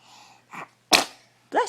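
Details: Infant: a brief soft intake, then one sharp explosive burst of air fading quickly, then an adult voice begins; a single sneeze.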